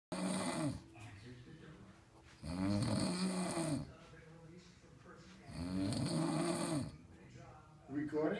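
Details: Loud, rattling snores on each in-breath with quieter pauses between, about three breaths across the clip; snoring.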